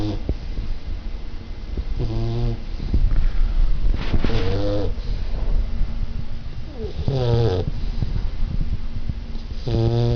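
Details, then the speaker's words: Sleeping dog snoring: a noisy low rumble with brief voiced, whiny snoring sounds repeating every few seconds. "This is our dog snoring."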